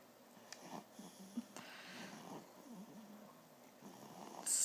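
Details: Maddie, 10 weeks old, asleep: soft, squeaky, snuffly snores and small snorts with light room noise; snoring.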